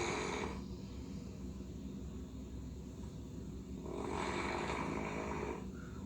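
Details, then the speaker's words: Home-recorded snoring during sleep with mouth closed, brought in for consultation: low, rattling snores rising and fading with breathing; described as closed-mouth snoring, likely early sleep stage, versus airway-obstructing snoring. "그래서 그냥 단순하게 이 정도 코골이는 그냥 코가 좀 막혀서 나는 코보다 하는데 기도가 막히기 시작하는 코골이는 이런 소리가 나요. 전혀 달라요."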